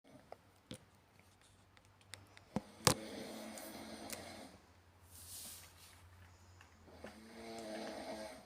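Soft snoring breaths with clicks and room noise in the background.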